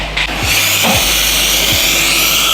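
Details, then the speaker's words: Loud, steady hissing air blast from a Profi Air Jet air-polishing device spraying special powder under high pressure onto the teeth during a dental spa cleaning of a postpartum woman, after scaling. "ada bubuk khususnya di dalam. Dia ditembakin pakai udara bertekanan tinggi. Jadi langsung ditembakin ke gigi-gigi."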